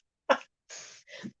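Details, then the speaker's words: Adult with dust allergies sneezing while handling old pulp-paper books: a single sharp sneeze burst followed by two breathy, hissing exhalations. "i found out that a lot of whitman books make me sneeze because they use this really pulp paper that's just like rag pulp paper"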